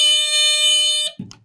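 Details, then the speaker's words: An AED wall cabinet alarm gives a loud, shrill, piercing tone for about a second as the door opens, then a click; checking a public-access defibrillator cabinet. "a lot of times when you open the door well every time you should hear an"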